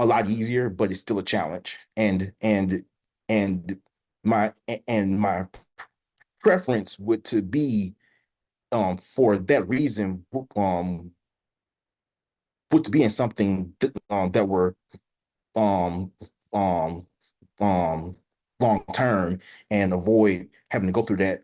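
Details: Adult who stutters, real, speaking as a panelist sharing personal experience in a National Stuttering Association webinar on dating and stuttering: stuttering.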